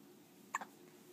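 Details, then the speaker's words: A single sharp, high hiccup from a small pet that had just eaten, in a quiet room; hiccup. "little guy just ate a little bit hey oh and he seems to be getting hiccups huh you got the"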